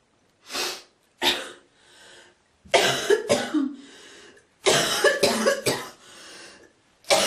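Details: Girl coughing in clusters, with raspy throat clearing and hocking sounds between coughs, and spitting.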